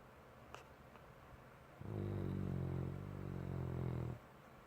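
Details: Snoring.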